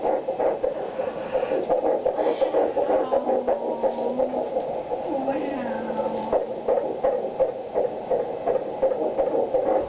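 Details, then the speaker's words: Fetal heartbeat on Doppler ultrasound at week 8 of pregnancy: fast whooshing rhythmic pulses, about 176 beats a minute, with background hum and drifting tones; goes quiet when the probe moves out of range. "When it gets quiet, it's because I accidentally am moving it out of the range."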